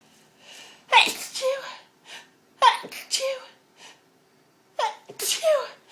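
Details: Sneezing fit after clearing up a smashed pepper pot: three explosive sneezes in quick succession, each preceded by a short catching breath; pepper-induced sneezing.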